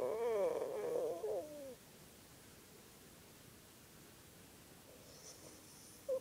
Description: Cone-headed Cocker Spaniel snores like buzz saw.